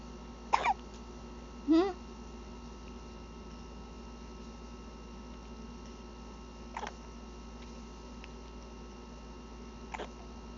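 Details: Baby with hiccups while playing before sleep: a few brief vocal sounds and squeaks, then two faint, sharp hiccup catches several seconds apart, over a steady room hum.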